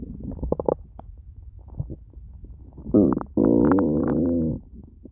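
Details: Low gurgling rumbles rising into a long, loud, whining growl lasting over a second; ordinary stomach growling (borborygmi).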